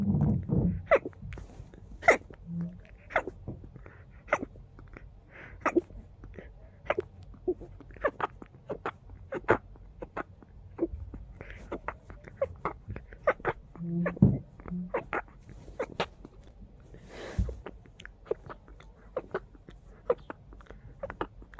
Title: Very muffled sneezing fit 🤧